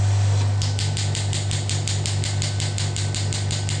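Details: Pneumatic radial shockwave applicator fired on the demonstrator's own hand at reduced intensity before being raised toward 12 bar: rapid, steady tapping pulses, about four per second, over a low machine hum.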